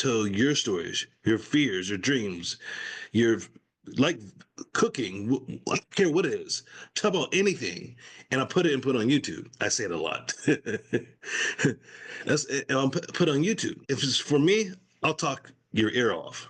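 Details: Adult man, stroke survivor with post-stroke aphasia, now in recovery, speaking spontaneously in conversation; aphasia.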